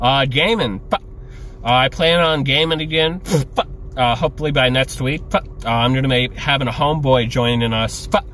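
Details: Adult male with Tourette syndrome speaking casually, with involuntary noises and utterances during his speech: vocal tics (Tourette syndrome).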